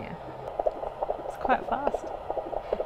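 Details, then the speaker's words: Fetal heartbeat heard with an ultrasound Doppler on a pregnant woman's gel-covered abdomen during abdominal palpation: rapid, regular whooshing pulses, about twice the maternal rate and faster when the baby moves; normal. "is that normal it's about twice as fast as your i can't beat that's why we checked your heartbeat at the same time see how it goes faster when they move"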